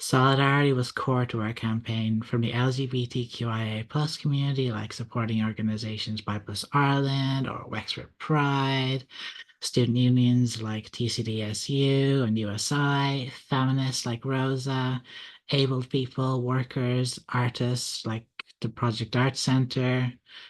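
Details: Adult speaker; ordinary speech.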